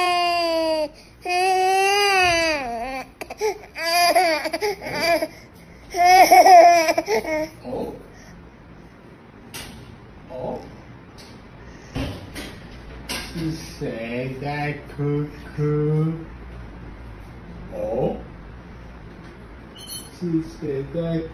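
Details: Loud rhythmic wailing cries with brief pauses, easing into softer fussing and babbling, adult voices nearby, from a baby boy crying after eating solid food, said to be hungry; infant cry.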